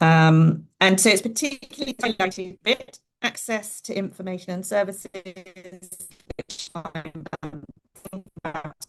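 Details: Adult woman speaking; ordinary speech.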